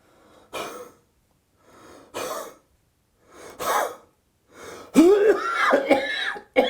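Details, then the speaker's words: Demonstrated full huff cough sequence for home sputum collection: breathy huffs with rising forced exhalation, then a harsh productive cough to bring up sputum from deep in the lungs. "Now let's watch the full Huffov sequence one more time."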